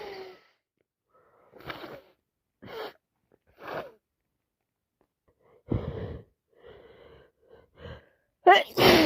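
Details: Person with a bad head cold, wet sneezes, nose blowing: run of short gasping in-breaths building to a sudden forceful sneeze, repeated sneezing.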